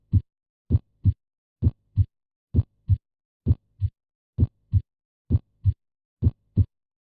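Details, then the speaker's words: Normal heart sounds: regular lub-dub at about 65 beats a minute, S1 as 'lub' from AV valve closure and S2 as 'dub' from semilunar valve closure. "S एक हृदय ध्वनि को आमतौर पर love शब्द की तरह और एस दो हृदय ध्वनि डब के रूप में वर्णित किया जाता है।"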